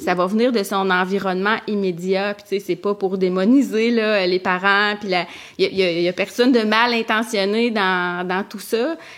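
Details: Adult woman who stutters; stuttering.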